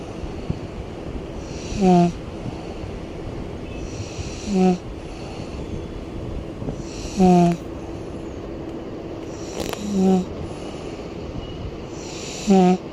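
Five short, snorting snores about every two and a half seconds over steady background hiss; regular snoring.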